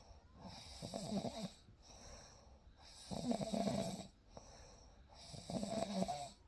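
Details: Gentle, fluttering snores on each breath in, about every two and a half seconds, with quiet breaths out; real night-time sleep recording made alongside a baby; soft snoring during sleep.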